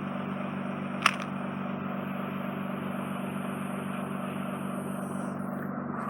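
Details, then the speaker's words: Ear microsuction of wet wax and skin in a woman's ear canal, wet from drops, over an inflamed, heavily scarred (tympanosclerotic) eardrum. Steady suction hiss over a low hum, with one brief click as the probe picks up wax. "No, we'll let these drops, I'll just try and vacuum the wet down skin that you've got. Okay. Probably very noisy to vac"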